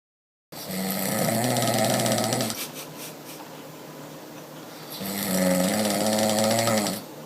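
Two loud, rattling snores on the in-breaths, separated by a quieter out-breath of about two seconds. The pattern is typical, rhythmic snoring.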